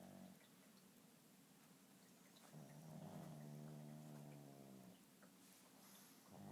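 A low, rumbling, fluttering noise swells over a couple of seconds against steady room noise: snoring.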